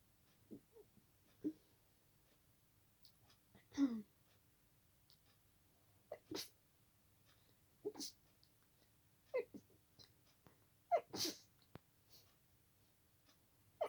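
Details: Stifled sneezes at night, held back to stay quiet because of a tickle: a series of soft, muffled sneezes with quiet breathy catches between them in a silent room.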